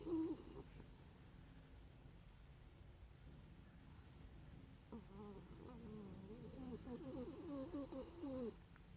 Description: I caught my miniature schnauzer Gracie snoring up a storm this afternoon, so cute.